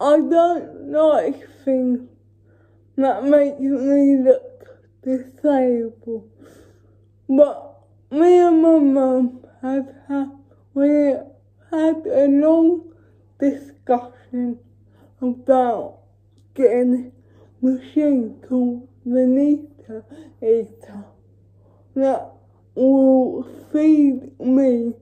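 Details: Female with cerebral palsy talking while feeding herself with a Neater Eater feeding aid; dysarthria (cerebral palsy), inferred rather than stated as a diagnosis.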